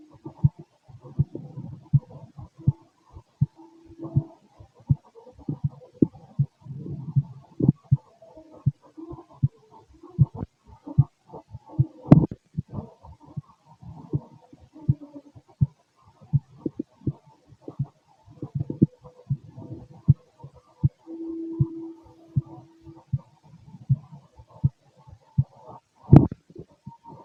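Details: Heartbeat through a stethoscope on the chest: low, muffled heart thumps mixed with gurgling body noises and rubbing sounds.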